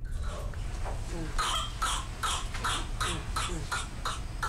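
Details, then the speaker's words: Whooping cough (Bordetella pertussis) coughing fit: a rapid run of about nine short coughs without pause, the violent coughing triggered by mucus building up in airways with damaged ciliated cells. "mucus is not removed and builds up in the Airways the body attempts to rid itself of this buildup by causing a violent coughing"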